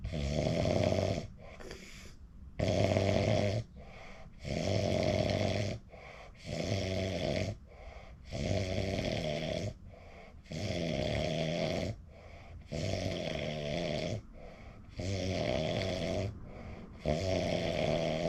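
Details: Adult recording their own sleep: loud, rough snores on each breath in alternating with quieter breaths out, about 14 breaths a minute. Snoring during sleep.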